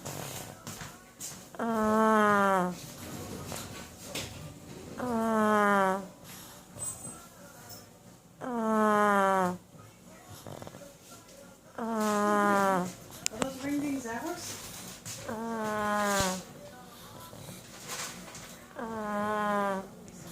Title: Bowser the snoring pug.